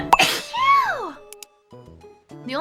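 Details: Streamer with an itchy throat sneezes during a live stream, one of eight sneezes in a row: a single sharp sneeze burst, then a brief voiced sound over quiet background music.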